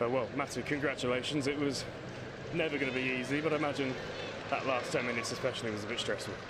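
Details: Adult man speaking; normal voice.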